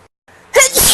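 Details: Acted sneeze in a comedy skit, person with a runny nose: short indrawn breath followed by a loud burst of air; sneeze.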